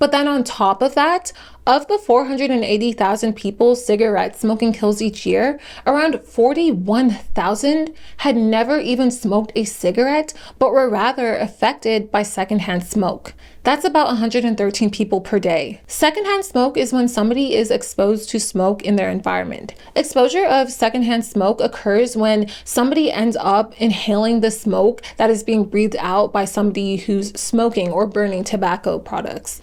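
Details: Adult woman narrating; normal speech.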